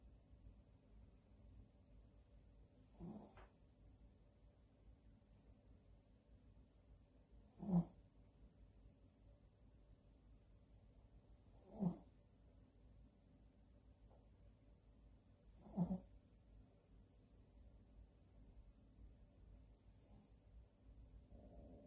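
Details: Maltese dog snoring: soft, low, rough snores about every four seconds, roughly 15 a minute, over quiet room noise.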